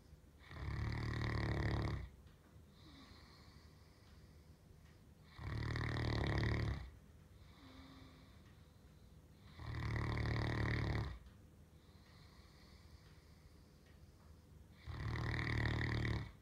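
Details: Sleeper snoring on the couch: four loud, rattling, low-pitched snores on the in-breath with quiet gaps, about 14 breaths a minute; regular snoring.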